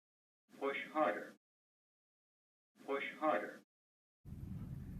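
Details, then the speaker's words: Zoll defibrillator CPR feedback voice prompt, turned on so shallow compressions (right depth 2–2.4 inches) trigger a cue to push harder: synthetic prompt repeated twice, then low rumbling noise. "we turn on the Zoll voice prompts so if your compressions are too shallow the machine should prompt you to push harder"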